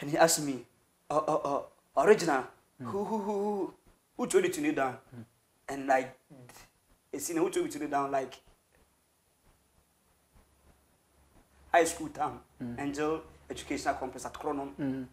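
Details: Adult male who has stammered since birth, a family trait shared with his grandfather and relatives, severe and worst on words starting with K or T, with breaks in speech but smooth when rapping; stuttering.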